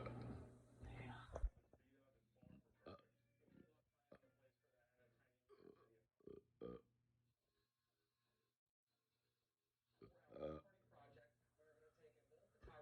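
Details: Person who wasn't feeling well that day, in a long burping session: a series of low, throaty burps, some soft and some louder, separated by pauses; repeated belching.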